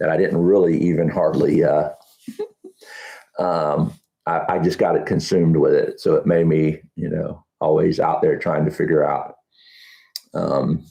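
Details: Adult man with Huntington's disease, about 10–12 years after diagnosis, real patient, who reports that talking is now challenging and his thinking is less methodical than two years ago: speech difficulty in Huntington's disease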